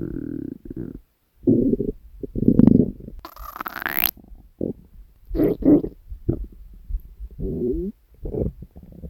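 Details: Hunger stomach growling recorded from the person's own belly: low gurgling rumbles and squeaky rising gurgles in bursts; normal borborygmi.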